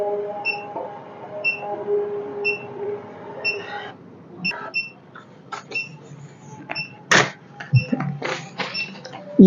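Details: Uniwer UMS 7E3 3-channel ECG machine after pressing print, printing a 12-lead record with lead II as a long lead: steady heart-rate beeps at 60/min from a simulated input, then printer whirring and clicks.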